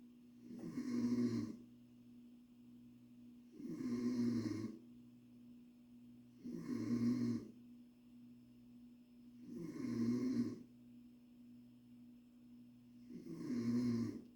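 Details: Mother snoring around 1:00 at midnight: five loud, low, rattling snores at about 20 a minute, with quiet pauses between breaths.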